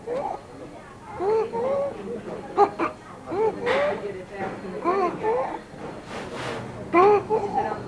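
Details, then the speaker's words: A sick young child (age 2 months to 5 years), fussing, assessed in a WHO IMCI training exercise: harsh, high-pitched noises on breathing in. Inspiratory stridor, judged present, a sign of upper airway narrowing. "we heard a harsh noise when was breathing in therefore we decided that does have stridor"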